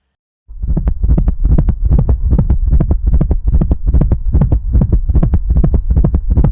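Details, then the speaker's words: Hypertensive dog with chronic kidney disease and cardiac hypertrophy, heart auscultation: fast beat near 145 a minute with an extra low sound in each beat giving a galloping cadence, a gallop rhythm prompting further cardiac investigation. "Sem mais delongas, deixe eu mostrar logo o som de auscuta deste paciente que gerou um alerta para aprofundar a investigação cardiológica."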